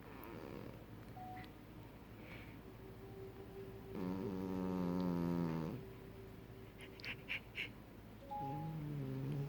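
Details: Sleeping cat with a blocked nose snoring: low buzzing, nasal, congested snores, one much louder than the rest, over steady room noise.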